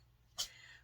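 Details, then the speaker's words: Pet named Bernard sneezing: a single brief, sharp, hissing burst against quiet room background, followed by sniffing. "i literally picked this up for 20 minutes and i am already [Music] you guys hear that it's bernard sneezing"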